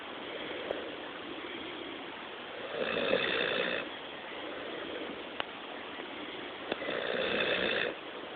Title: Best dog snore ever